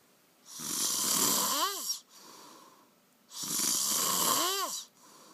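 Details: Man snoring after getting drunk and passing out on a couch: two loud, harsh, rattling inspiratory snores ending in rising whistle-like squeaks, quiet exhalations between.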